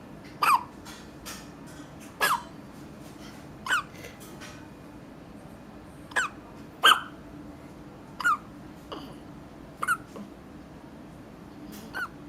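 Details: Twin girls in a hiccup competition: short, sharp voiced hiccups, about ten in twelve seconds, from two children in a quiet room.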